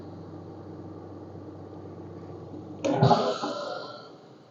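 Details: Yuwell 7F-5B medical-grade oxygen concentrator running at a set flow of 4 litres per minute (adjustable 1–5): steady motor hum, then a sudden hissing puff of air that fades, its normal operating cycle.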